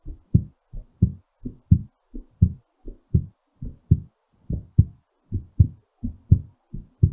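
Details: Normal heartbeat recovering after exercise: strong, clear lub-dub heartbeat at about 85 beats a minute, steady rhythm.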